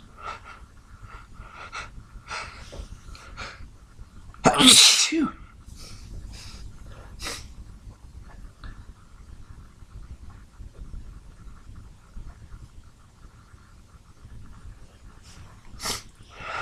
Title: Hungover sneeze fit with stuck sneezes toward the end.